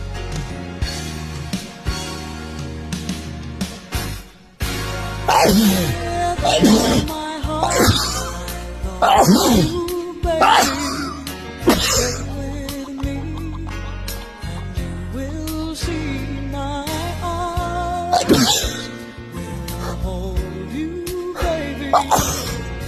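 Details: An adult with a heavy cold sneezes repeatedly, about five or six sharp explosive bursts, over loud background love songs; sneezing.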